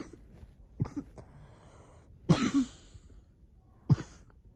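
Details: Cough.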